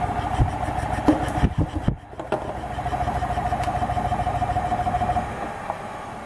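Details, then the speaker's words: Rapid steady pulsing with faint tone and rattling tubing from a Pegaso airway clearance device in percussion mode (intrapulmonary percussive ventilation), delivering high-frequency air bursts alternating positive and no pressure, 50–600 cycles per minute. "the percussion the device supplies bursts of air which alternate positive and no pressure on the patient with a high frequency ranging from 5 50 to 600 cycles per minute"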